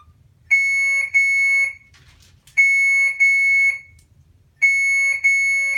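Repeated high-pitched double beeps in bursts, about every two seconds. An infusion pump occlusion alarm from a closed line clamp.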